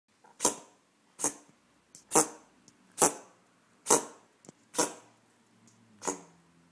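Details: Male Korat cat coughing for the third day; the owner is unsure whether it is a furball or something more serious: a run of about seven sharp, dry, hacking coughs in quick succession.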